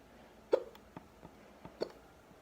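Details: Two distinct deep hiccups, each a short sharp catch about 1.3 seconds apart, with fainter clicks between, in a quiet room; hiccups (singultus).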